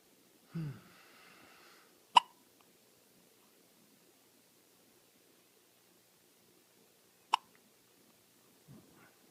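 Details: Two sharp, isolated clicking catches about five seconds apart in a quiet room; hiccups.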